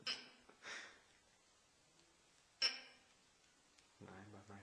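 Three short, sharp gulping bursts with quiet gaps, followed by a brief voice. These are hiccups.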